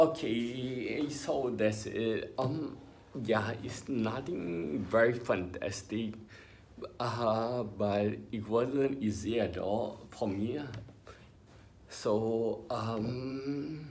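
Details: Ataxic dysarthria in an adult male with spinocerebellar ataxia, diagnosed by a neurologist about 20 years earlier when he was in his twenties.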